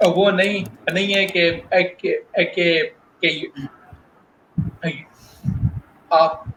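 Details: Adult male working professional who stutters, speaking spontaneously in Hindi/Urdu in a real interview, with audible word repetitions; stuttering.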